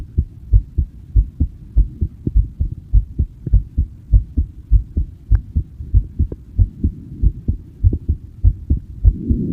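Regular low thumping heartbeat at about 100 beats a minute, clear and steady; ordinary heart sounds.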